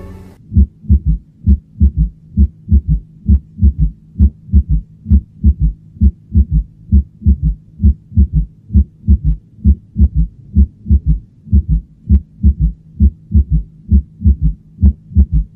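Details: Cardiac auscultation in a Spanish-language teaching lesson, where a fourth heart sound is described as always indicating pathology: regular low-pitched heartbeat at about 66 per minute with a soft extra thud just before each first sound, galloping rhythm: S4 gallop.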